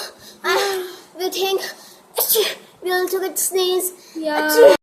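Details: Simulated sneezes: five voiced, sneeze-like bursts in varied styles (loud, stylish, dramatic, repeated), playful imitations of different types of sneezers; sneezing.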